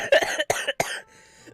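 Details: Coughing fit set off while laughing during a game stream: three quick, harsh coughs in a row, then quiet.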